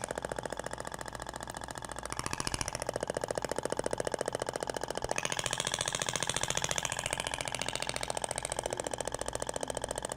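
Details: Radial shockwave training demo on the gel-covered abdomen: rapid, steady mechanical tapping at about 214 pulses a minute.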